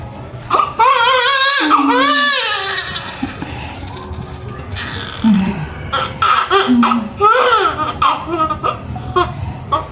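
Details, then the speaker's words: Loud, high-pitched newborn cries in strong bursts with quick breaths between, adult voices in background, right after a normal vaginal birth with nuchal cord coil; a vigorous, normal first cry. "Teka lang paiyakin muna natin okay okay iyak na si baby iyak na baby mag kayang umiy hindi okay lang siya"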